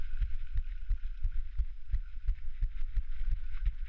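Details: Heartbeat audio recorded during a downhill run: rapid, regular low thumps at about 175 beats a minute during heavy exertion, over steady road and wind noise.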